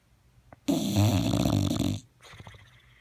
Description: Yoshi the English bulldog snoring loud